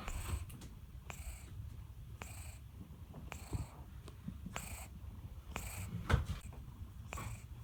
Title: Tin Tin the Cat is SNORING so cute! Horlayan Kedi Tin Tin